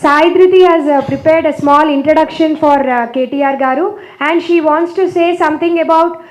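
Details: Adult woman speaking; Normal speech.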